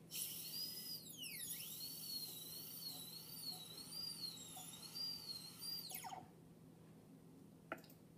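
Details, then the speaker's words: High-pitched whine of a high-speed dental drill, its pitch wavering as it cuts, then winding down, while extending a mesial proximal box buccally and lingually at a 15-degree bur angle on a typodont tooth. "And let's go buccally first. You basically want to extend until the two walls meet. The walls at both levels meet continuously."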